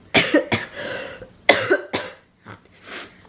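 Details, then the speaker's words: Adult parent who says they have just started with a cough: two pairs of short, loose coughs, each burst followed by a brief trailing breath, in a quiet room. "I've started with a cough now"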